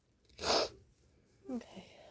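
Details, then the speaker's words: Person sick with a cold or suspected allergies who has sneezed about 50 times today, recorded near 5 a.m.: one forceful, explosive sneeze, more intense than usual, then a short voiced sound; sneeze. "well I think I'm done for that was the intense sneezes I don't usually sneeze this intense I usually have a lot more softer sneezes"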